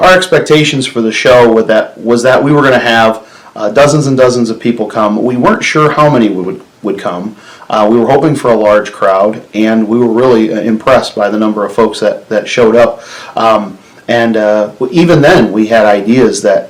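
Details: Adult male speaker; ordinary speech.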